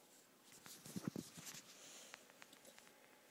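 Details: Puppy with hiccups in a quiet room: a cluster of brief, soft hic sounds and faint clicks before they stop.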